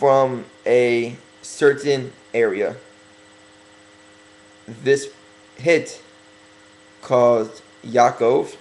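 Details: Speaker working on his stuttering, deliberately talking slower to correct it during a religious talk; stuttering.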